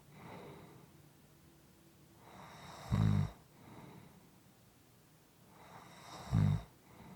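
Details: Soft, quiet snoring: slow breathing, about 18 breaths a minute, each cycle a soft inward breath building into a low, rattling snore.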